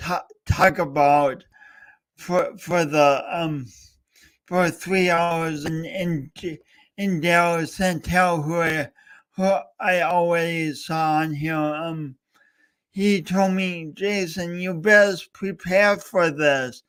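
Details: Adult male host with a speech impediment, coached for years, talking live during a three-hour talk-a-thon. Finding: speech impediment (stuttering-like disfluency).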